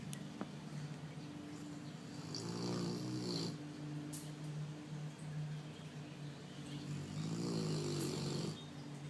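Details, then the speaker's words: Sleeping Cane Corso dog over 100 lbs: slow, rumbling snores, one long snore about every five seconds over steady room hum. "What are you doing, baby? You're snoring."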